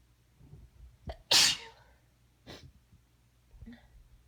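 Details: Person with chronic allergies and a sinus infection who sneezes once every couple of minutes rather than in fits: a short intake of breath, then one forceful, explosive, unstifled sneeze followed by quieter breathing.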